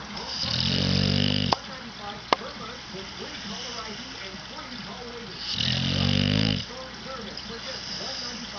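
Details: Pet dog sleeping: two long, buzzing snores about five seconds apart, with quiet breathing between; snoring.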